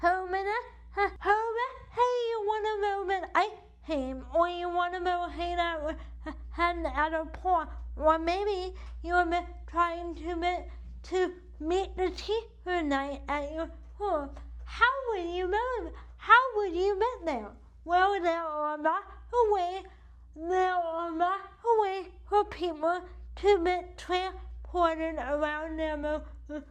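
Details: Adult woman with cerebral palsy affecting the right side of her body, with right arm weakness and wheelchair use; she states CP affects her speech; dysarthria (cerebral palsy).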